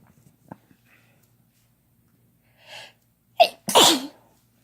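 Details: Several sharp, explosive sneezes from a couple using chhinkni (sneeze-inducing snuff), a faint softer one then the last two loud and close together.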